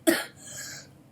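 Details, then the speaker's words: Sick child's cough, described as bad and dog-like: a single short, forceful cough followed by a softer breathy tail as air is let out. "That's how bad my cough is. It's like a dog, like a dog's cough."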